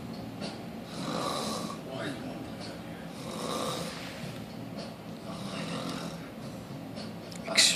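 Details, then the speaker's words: Female sleeper snoring heavily: one short snore then a big one, rough rumbling coarse snores with each breath, about four in eight seconds. "There's the. One short little snore, followed by a big snore, and then probably many, many more snores."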